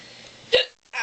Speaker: Why? Hiccups are funny. No, they're not.